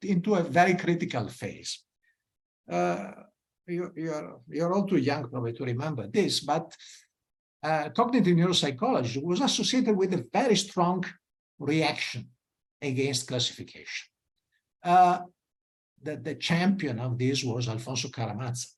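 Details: Adult male speaker, lecture; normal speech.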